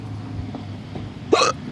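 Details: One abrupt, sharp voiced 'hic' above a steady low engine hum; hiccups in West Philadelphia.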